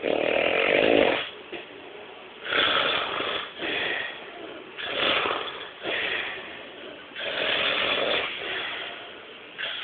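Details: Snoring: loud, harsh, rattling noise repeating with each breath, roughly every two to three seconds.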